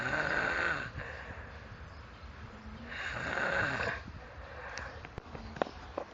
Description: scariest yet hilarious snore